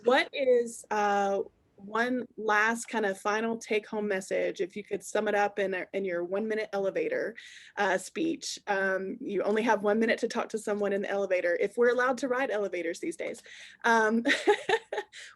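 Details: Adult woman speaking; Normal speech.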